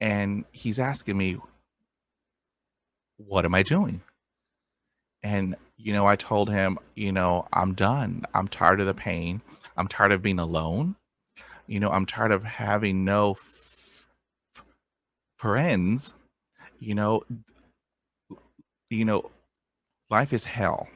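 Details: Adult man who stutters, with a sound repetition; stuttering.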